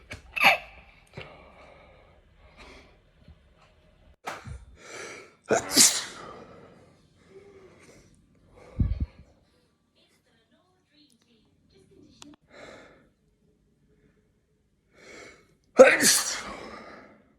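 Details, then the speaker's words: Assortment of ordinary sneezes recorded over time: a string of separate sharp sneezes, some preceded by a quick in-breath, with quiet gaps; followed by "bless me". "I told you I was gonna sneeze. Bless me. Bless me."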